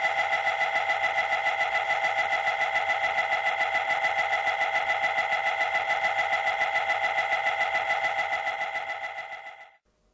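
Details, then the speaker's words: MRI scanner louder one-minute sequence during a child's scan at a children's hospital; loud, fast, steady mechanical buzzing and knocking, stopping abruptly near the end. "the scanner will make occasional louder noises but the radiographer will Ward you before it happens one's just a little bit noisier than the others but it's a really quick one"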